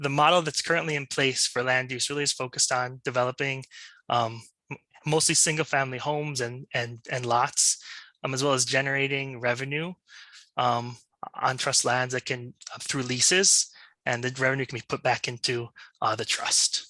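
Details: Adult female presenter who states she has a stutter; stuttering.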